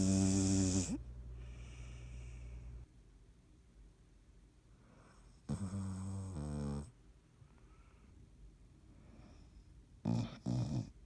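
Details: Loud, low, rattling snores roughly every five seconds, with quiet breathing between them; snoring during sleep.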